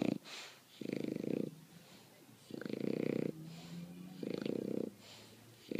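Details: Bulldog asleep after the dog park: loud, rattling, buzzy snores about every 1.7 seconds, roughly 35 breaths a minute; snoring.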